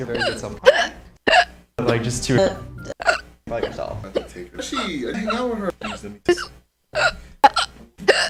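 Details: Speech over background music, repeatedly broken by short, sharp catches in the voice: recurring hiccups.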